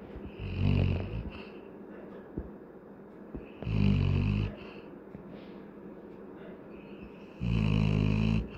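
Loud, deep, buzzing snores about every three to four seconds, each close to a second long, with quieter breathing in between: dog snoring in sleep.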